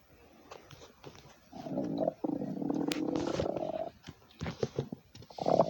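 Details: Stomach growling: long low gurgling rumbles with intermittent bubbly pops from the abdomen, ordinary borborygmi from gas and fluid moving through the gut.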